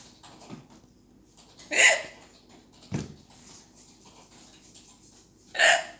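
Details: Unusually weird hiccups in a girl: three sudden, sharp, high-pitched, loud squeaky gulping sounds over six seconds with faint room noise between.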